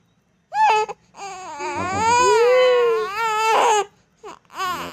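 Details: Infant aged 2 months 16 days crying: loud, drawn-out wails rising and falling, with short catches of breath between cries.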